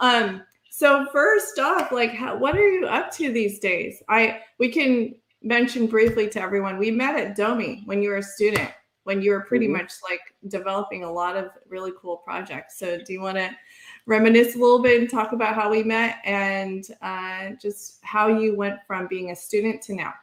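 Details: Adult woman; no speech disorder.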